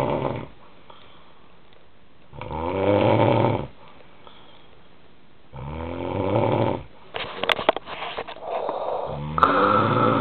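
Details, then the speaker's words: Adult man snoring while asleep, recorded by his fiancée and likened to a Darth Vader noise: two long, loud, rough inhaled snores with quiet pauses, then snuffling; snoring. "Vader fully right I've got a snore but you know what she's awesome"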